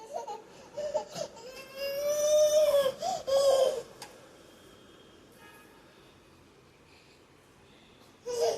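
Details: Toddler girl crying during house cleaning: loud, high-pitched wailing bursts with sobbing catches between, then quieting; ordinary upset crying.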